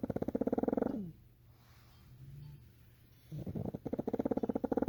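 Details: Pet dog fast asleep and snoring: two loud, rapidly fluttering, rattly breath sounds with a quiet pause between them.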